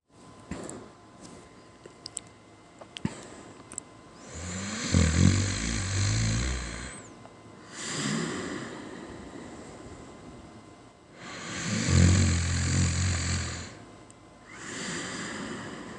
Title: Quiet snore